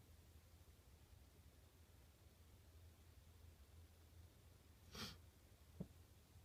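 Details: A person with a tickle in the nose gives a single sharp, noisy sneeze near the end of a quiet room recording, followed by a brief click; sneeze.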